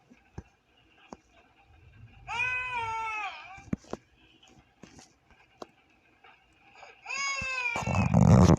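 Two bursts of high, wavering infant crying separated by quiet clicks and knocks, with a loud noisy burst at the end; an ordinary baby cry.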